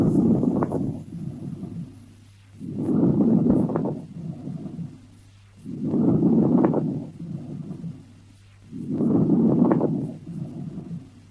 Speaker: now rails are a small clicking bubbling popping sound that is usually heard in the lower airways rails can be fine coarse moist or wet rails are common with pulmonary edema chf infection and inflammation and this is what rails sound like